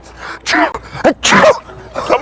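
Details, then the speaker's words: Man with seasonal spring allergies sneezing: several loud, explosive sneezes in rapid succession. "Bless you. Thanks, man. Bless you. Thanks, man."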